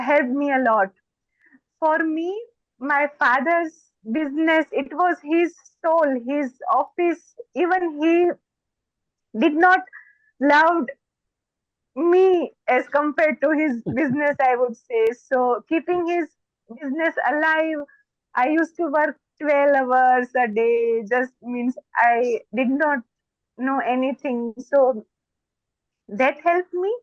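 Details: Stuttering (stammering) in an adult woman who stammers.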